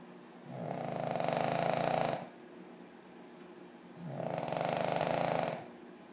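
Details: Two long, rattling, buzzy snoring breaths about two seconds apart in a quiet room from a sleeping dog.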